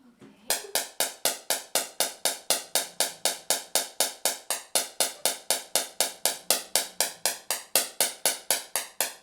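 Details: Viasure shockwave therapy device firing sharp, steady clicking pulses at about 240 per minute on the back of the heel, treating plantar fasciitis with suspected inflammation; the patient reports it as a strange sensation, not painful.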